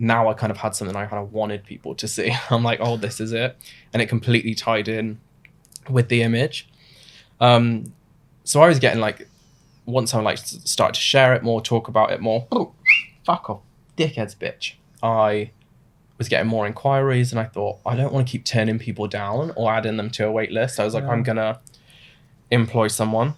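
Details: Adult man with Tourette syndrome diagnosed suddenly in his mid-twenties; a burst of involuntary swearing tics interrupts him mid-sentence: vocal tics with coprolalia.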